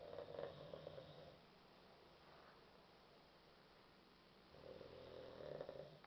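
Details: Person sleeping on the floor after a night of heavy partying: two short, loud, rough, rattling snoring breaths a few seconds apart with a quiet pause between; snoring.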